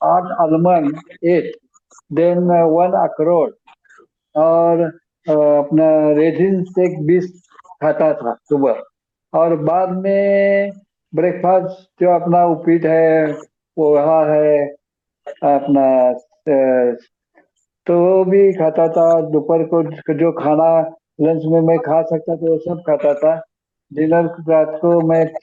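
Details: 74-year-old man with bulbar ALS/MND whose speech was earlier severely impaired and is reported as now much improved on a claimed reversal protocol; dysarthria.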